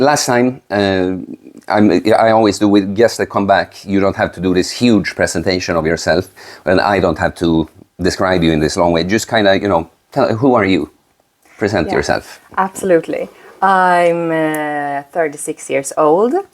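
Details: Adult man and adult woman in conversation; Ordinary conversational speech.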